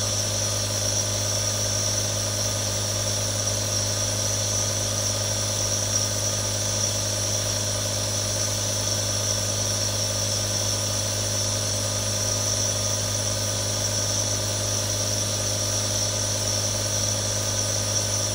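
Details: Real sounds from one of three different nebulizers: a steady mechanical hum with a constant hiss and buzz, unchanging throughout, as the nebulizer runs.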